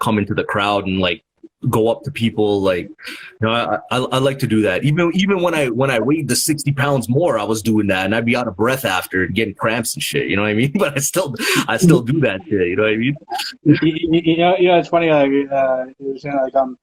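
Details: Adult man, interview host, self-reported stutter, real; stuttering.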